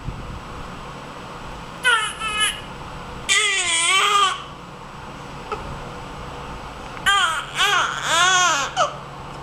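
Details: Burping infant: three bursts of high-pitched crying separated by pauses, with faint room noise; parent mentions gas sounds from inside; ordinary infant cry.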